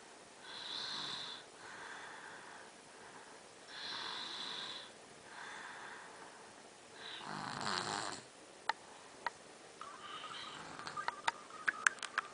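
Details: Snoring: slow, rasping snores on each breath, about five in twelve seconds, followed by faint clicking noises.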